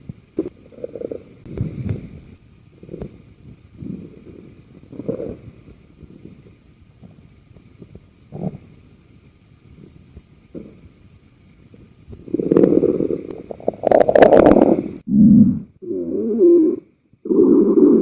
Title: My best stomach noises